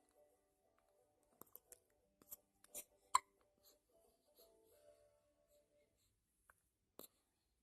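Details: Baby boy who has hiccups and cannot be fed at the moment; he has cold feet: repeated infant hiccups.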